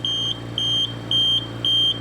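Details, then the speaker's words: Oxygen concentrator low-flow alarm, simulated with a deliberately blocked outlet: repeated high-pitched beeps, about four in two seconds, over a low machine hum. The running unit's flow dial dropped to 0. "Eventually this machine's going to pick up on that and start to alarm. So if the machine is running, there's power, but they're moving this dial and it will not move, that alarm's going off, and they've got a kink in the tubing."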